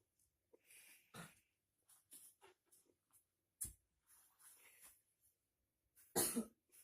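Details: Coughing from a sleeping person pranked at about 1 a.m. with smoke from burnt cigarette packs mixed with chili: scattered short coughs and throat sounds in a quiet room, ending in one loud harsh cough, provoked by irritant smoke.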